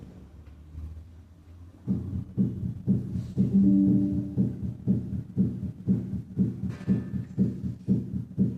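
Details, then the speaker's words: Normal first and second heart sounds at the tricuspid area, with S1 louder than S2, at 60 beats per minute and then at 120 beats per minute. "escuchemos ahora el primero y segundo ruidos normales en el áa tripia nótese que s1 es más sonoro que s2 primero con una frecuencia de 60 ldos por minuto"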